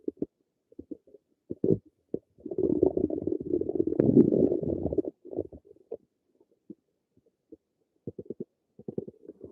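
Gurgling, bubbling rumbles with a longer continuous growl in the middle: ordinary stomach rumbling (bowel sounds).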